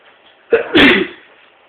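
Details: Single sharp sneeze: brief intake, then a loud explosive burst lasting about half a second.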